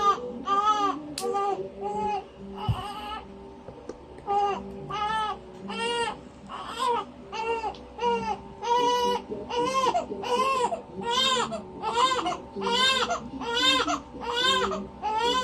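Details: Baby girl, fresh from the bath and just fed, crying while being dressed: rhythmic high-pitched wailing cries about 76 a minute with soft music behind; infant crying.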